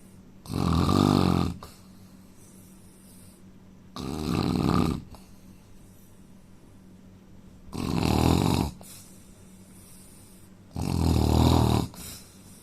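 Loud, rough snores on each breath in, four over about twelve seconds, roughly 18 to 20 a minute, with quiet pauses between. Snoring.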